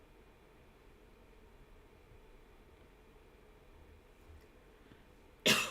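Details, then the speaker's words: Adult woman coughing during a live stream; a single cough. "Yes, that was me coughing. You want to do it again? You like the sound of your wife coughing?"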